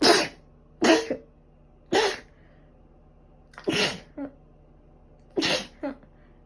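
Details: Person with a cold and allergic rhinitis, runny and stuffy nose, and a fever for five days; five sneezes in quick succession, some with a short trailing catch; repeated sneezing.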